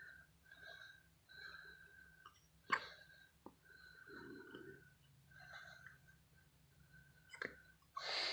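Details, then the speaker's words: Premature newborn boy in a hospital onesie, his first hiccups: soft, brief catching sounds repeating as hiccups, with a steady tone and quiet room noise behind. "He's got the hiccups. Oh my god, that's so cute. Oh, he's got the hiccups."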